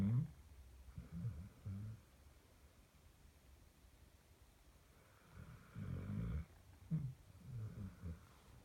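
Low, rumbling snoring sounds in a few bursts separated by quiet gaps, from a sleeping dog.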